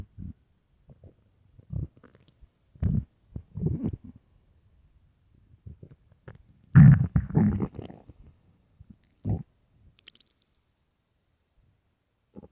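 Irregular low gurgling and rumbling bursts, some prolonged, from a hungry stomach; ordinary bowel sounds of digestion.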